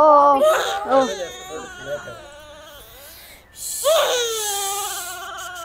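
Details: Baby girl crying during her ear piercing: loud, high-pitched infant crying in bursts, settling into whimpers before rising again, while adults soothe her.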